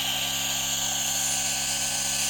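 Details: A G-Tech Compact DC1 portable nebulizer/inhaler compressor running and producing a lot of mist, said to be quieter than other models: steady mechanical whir, constant hiss, low motor hum.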